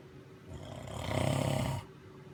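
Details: A single loud, rough, rattling inhaled snore that builds and stops abruptly against quiet room noise; snoring.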